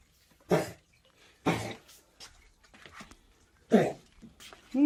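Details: Persistent cough in a cat diagnosed with bronchitis, not herpesvirus, still coughing after improving on 7 days of medicine; 3 weeks of treatment prescribed. Three harsh, hacking coughs over about five seconds with noisy breaths between.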